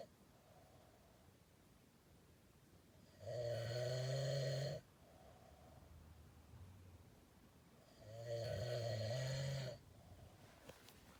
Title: 😮💤Man snoring very loud💤😮